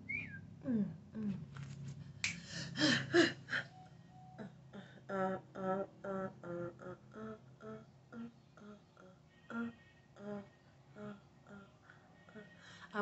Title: New tics and tic attack ⚠️Warning lewd gestures and profanity Pt.1